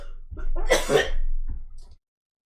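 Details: Harsh, forceful cough burst with a short follow-up in a quiet room, during a raw emotional vlog where the person describes mental distress, overheating and feeling sick; cough.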